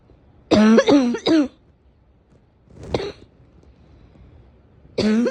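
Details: Four cough bursts from an adult: a cluster of three strong, slightly voiced coughs, a quieter cough, then another strong cough starting at the end: a recurrent cough.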